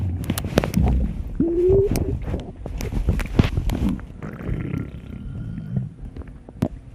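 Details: Loud, irregular gurgling and rumbling with a brief squeaky rising tone; ordinary stomach growls (borborygmi).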